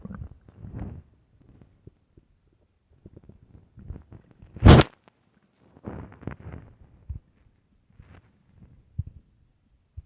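Low gurgling rumbles and squelches from the belly with one louder growl; ordinary hunger-related bowel sounds.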